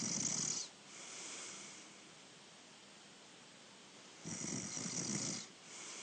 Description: Younger Brother Snoring away!! Wednesday 18 December 2019